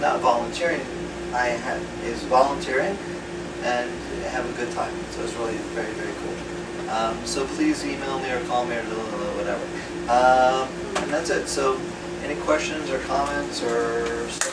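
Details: Aphasia in a retired male pediatrician, acquired after a 2014 left-hemisphere stroke caused by a torn carotid artery; right-side paralysis has since resolved; words slowly returning with ongoing speech therapy.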